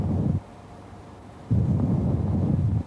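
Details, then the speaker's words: Loud harsh bronchial breath sounds with a gap between phases, heard with the stethoscope diaphragm held against the chest wall over the upper parasternal area in a normal person: a normal finding there. "ตำแหน่งที่เราจะได้ยินbronchialbreastsoundในคนปกตินะคะคือตำแหน่งparaalareaส่วนบนทั้ง2ข้างเราจะแนบสเตโตสโคปนะคะให้ชิดกับwallแล้วก็ฟังนะคะตำแหน่งนี้เราจะได้ยินbreound"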